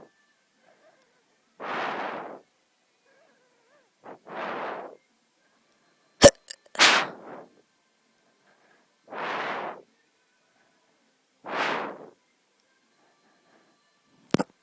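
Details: Hiccups recorded while breathing close to the camera: short, sharp hiccup bursts recurring every few seconds, with a few close-mic bumps.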